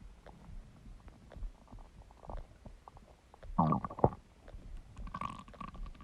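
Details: Empty stomach growling: soft low gurgles, one louder squeaky rumble midway, then a few bubbly sounds (borborygmi).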